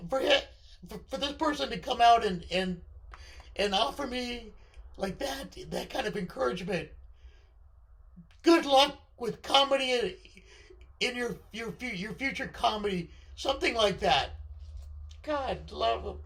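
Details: Male speaker with left-sided vocal cord paralysis following surgery, which limits his voice control; unilateral vocal cord paralysis.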